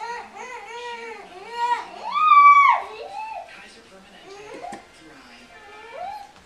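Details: Distressed, rising and falling whimpering cries with a louder wail from a young child who seems unwell and scared; the mother asks if the tummy hurts and believes the child has GI problems.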